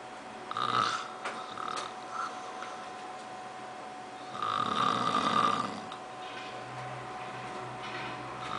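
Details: Two loud, rough, rattling snores on breaths in, about four seconds apart, with quieter breathing and a faint steady hum between them; snoring from a man who says he doesn't snore.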